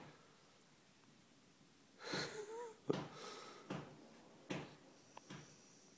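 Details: 12-month-old Labrador with serious snoring issues, mild session with tongue out: noisy snorting breaths with brief whistling, squeaky tone; snoring.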